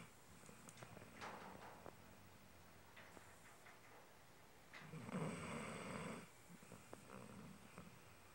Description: my dog snoring. too cute.